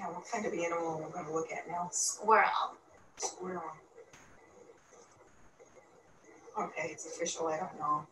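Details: Woman with semantic variant primary progressive aphasia, a frontotemporal disorder, doing a word-picture matching task with a clinician; semantic variant primary progressive aphasia.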